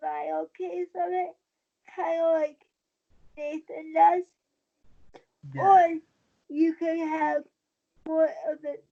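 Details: Dysarthria in a 23-year-old woman with cerebral palsy since birth after premature birth at 27 weeks, a more advanced form affecting the brain's balance centre; she uses a wheelchair and links her prematurity to the stability of her speech.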